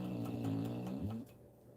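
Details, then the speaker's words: A loud, rumbling snore from a sleeping female pet, one long vibrating breath fading into quiet. "can you hear that can you hear her snoring"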